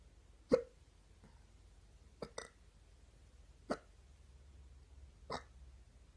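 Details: Stubborn, recurring morning hiccups: five sharp, brief gulping clicks at irregular spacing over six seconds.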